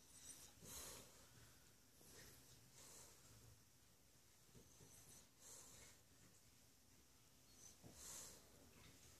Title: "Chubs" the snoring cachorro perros pug! Volume Up!